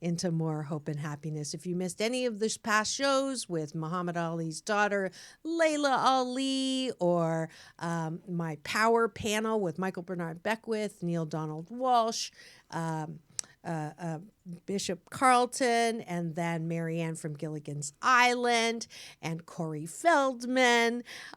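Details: Adult woman speaking; normal speech.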